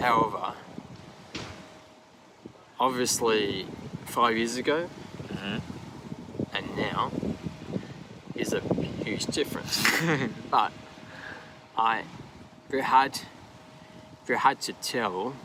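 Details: Man aged 39 with aphasia after an AVM stroke at 34, initially global aphasia, now described as more receptive, with right-side disability, speaking English in an interview; aphasia.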